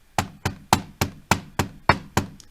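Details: Eight crisp knocks, an imitation of normal heart sounds as four S1–S2 pairs, about 105 cycles a minute, made to contrast with S3 and S4.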